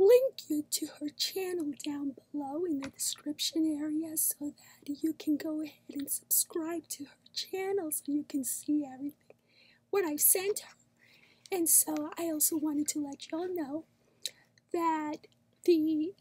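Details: Adult woman recovering from vocal cord paralysis; cords now moving but a large vocal cord polyp is present, with surgery planned to remove it, then voice therapy; improved but not normal; dysphonia (vocal cord paralysis with vocal cord polyp).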